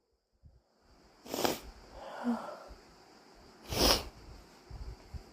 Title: More induced super wet and messy sneezes